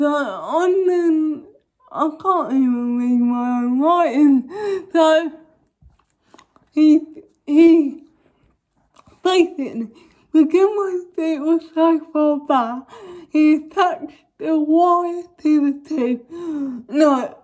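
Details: Young woman with cerebral palsy causing involuntary movements, recently fitted with braces on top and bottom teeth; dysarthric speech in cerebral palsy.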